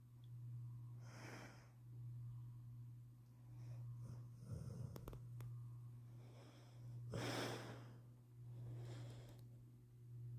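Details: Sleeping bluenose pit bull after hard play: slow, rough snoring breaths with snorting noises over a low room hum; noisy breathing during sleep.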